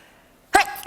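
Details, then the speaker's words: Deliberately faked sneeze by an adult: after half a second of quiet room, one sudden wet-sounding burst of air. "got to use that clacker, that punch-bag thing at the back of your throat to make it slightly wetter."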